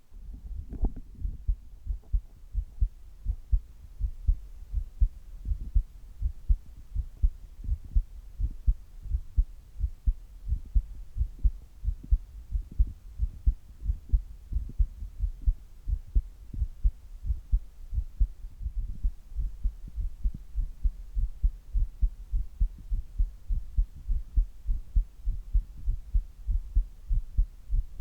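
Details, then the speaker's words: Steady, regular low heartbeat thumps at a resting pace, recorded in an adult man at rest before handstand push-ups; normal heart sounds at rest. "じゃあ行ってみましょう。まずは平常時の心音をお聞きください。"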